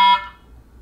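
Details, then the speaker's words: Infusion device occlusion alarm: a single short electronic tone that fades quickly, the Aquadex SmartFlow ultrafiltration system's withdrawal line occlusion alarm, shown in fluid overload therapy troubleshooting training. "indicates withdrawal difficulty adjusting flow withdrawal line occlusion silence"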